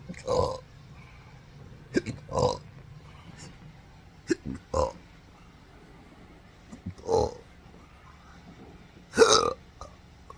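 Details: Belching with hiccups in an adult with a rare chronic condition since December 2015 after surgery with nerve damage (pudendal, phrenic, vagus): repeated short throaty burps mixed with abrupt hiccup-like catches at irregular intervals.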